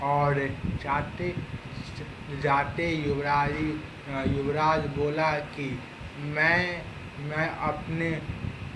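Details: Stammering in Hindi speech by a client of a stammering therapy centre, with word repetitions, in a testimonial presented as a stammering success.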